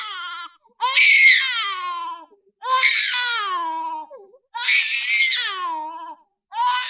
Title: Baby cry sound effects